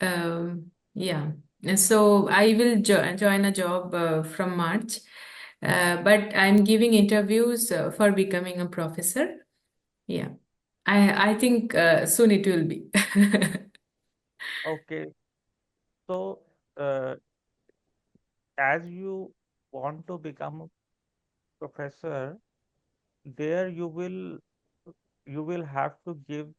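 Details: Adult woman who stammers, a real speaker, speaking English while translating a poem; stammering.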